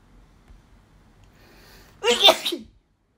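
A single sharp, explosive sneeze after a quiet intake of breath; an ordinary sneeze.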